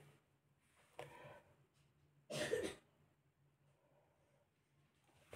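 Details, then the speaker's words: Two coughs from a girl with COVID-19 in a quiet indoor room, the first softer and the second a loud, sharp burst. "Alors là, celle que vous entendez tousser, c'est ma pépette, c'est ma Covidée"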